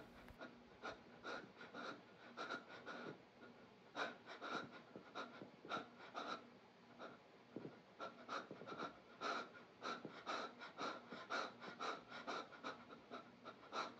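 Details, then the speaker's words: Rapid breathing during an unusual seizure in a person with epilepsy: a focal aware seizure with tonic-clonic-like limb jerking and stiffening while staying aware, shortly after a run. Fast, irregular, effortful huffing and gasping breaths, about two a second. "soon all my limbs will start to jerk tremble and stiffen and my breathing will become very rapid here and soon I will stop breathing and my face will turn purple"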